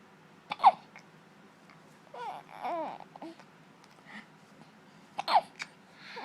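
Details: Hiccups in a 17-week-old infant who is talking: soft cooing and babbling broken by two sharp, abrupt hiccup sounds several seconds apart.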